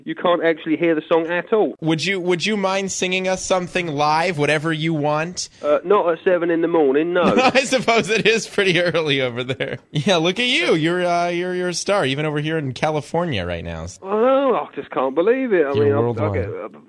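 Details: Adults in conversation, broadcast-style interview; ordinary conversational speech.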